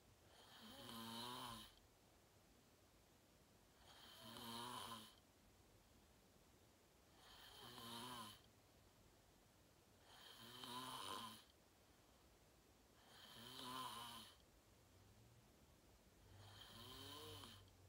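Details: Self-recorded adult sleeping, fell asleep fast around 8:45, self-described deep REM sleep (sleep apnea only hashtagged): loud rattling snores on each in-breath, about 19 a minute, quiet breathing between; snoring.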